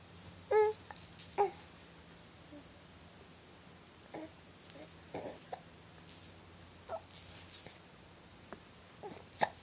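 Repeated short, catchy voiced hiccups at irregular intervals, with a little babbling and steady room hum; infant hiccups.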